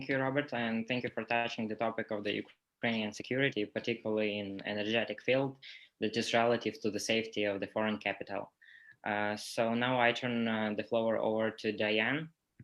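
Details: Adult male speaker; Normal voice.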